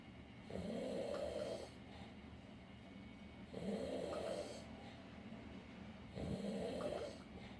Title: The snoring stomach